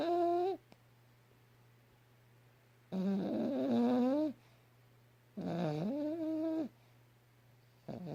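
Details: Yorkshire terrier dog snoring loudly.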